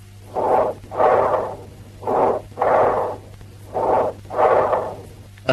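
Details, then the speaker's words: Bronchial breath sounds, teaching example: loud, harsh, blowing breathing with prolonged high-pitched expiration and a pause between inspiration and expiration; heard when lung tissue is consolidated. "Now let us turn our attention to the various types of bronchial breathing. Listen to the bronchial breath sounds, which have a blowing quality,"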